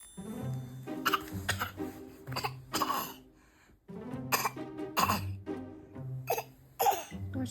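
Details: Infant gives a series of short, harsh coughs over steady background music, adult suspects throat trouble; cough.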